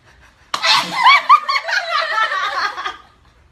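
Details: A member of the K-pop girl group GFRIEND sneezes: a single abrupt, explosive sneeze, immediately followed by about two seconds of high-pitched laughing and squealing voices.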